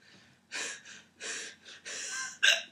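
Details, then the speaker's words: Man hiccuping while trying to speak, making a bleating, lamb-like sound after some: four abrupt, breathy, gasping catches, some with a short bleating tail; an unusual hiccup pattern. "no it's it's how I'm hiccuping but that's not normal no it's not you're not hiccuping you're getting punched in the stomach"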